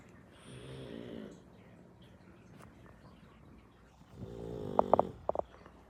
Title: Pug snoring #dog #entertainment